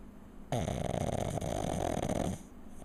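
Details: A pug lying on his back, snoring: one long, loud, rattling breath lasting about two seconds with a coarse fluttering buzz.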